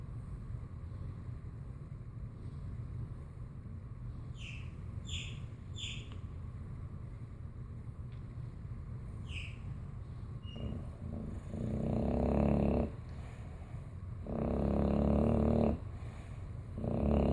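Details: Low rumbling background, then three loud, rasping snores in the second half, with a few faint chirps earlier, from a Bulldog; snoring.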